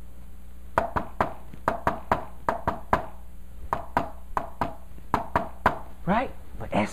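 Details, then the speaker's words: Fourth heart sound (S4 gallop): S4 falls just before and very close to S1, giving a "Tennessee" cadence of S4-S1-S2. "S 4 is so close to s 1 that when I do rid of fashion right over notice look a bit because it sounds like Tennessee Tennessee Tennessee Tennessee s what s 4 s 1 s 2 yeah"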